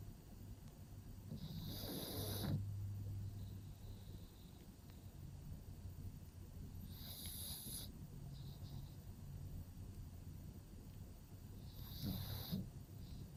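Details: Pug sleeping in a cave-style pet bed, snoring: rough, snorting snores recurring at each breath over quiet room noise.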